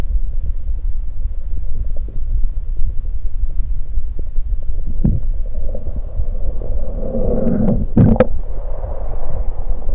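Low continuous rumbling and gurgling from the abdomen with a few sharp clicks and a gurgling swell near the end; active bowel sounds after drinking soda.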